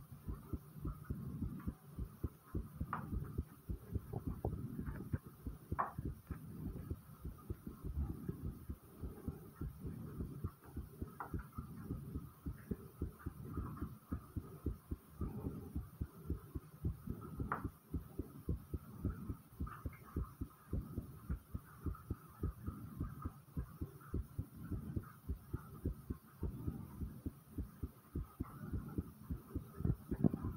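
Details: Person's own fast heartbeat, recorded for ASMR: rapid, steady, low thumping at roughly 105 beats a minute over a faint hum. Tachycardia.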